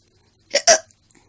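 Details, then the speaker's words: A single sharp, loud hiccup, a quick catch of breath then an abrupt voiced gulp, sometimes sounding Pikachu-like, during a hiccup bout the person attributes to eating baby carrots. "Sometimes my hiccups sound like this."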